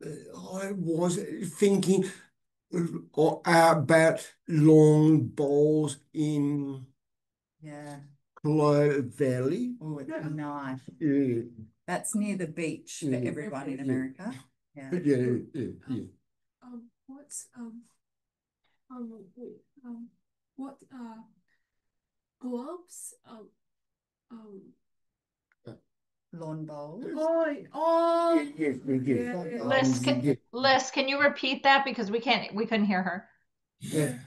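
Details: Adult man with aphasia after a stroke 6 years earlier, hospitalized 6 months, reporting difficulty speaking and not reading since; aphasia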